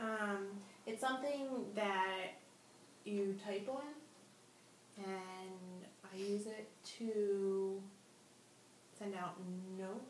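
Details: Woman with anomic aphasia after a stroke, in her third speech therapy session using Semantic Feature Analysis, describing an object without retrieving its name; anomic aphasia with circumlocution.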